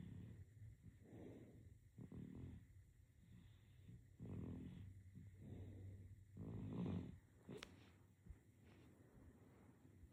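Soft, low rattling snores with each breath, about one every two seconds, in a quiet room. Snoring in a sleeping baby.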